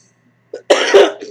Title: LOTD Milani Keep It Full Lip Plumper in "Rosewood" - Excuse The Coughing-A Goodie Arrived!6-15-2020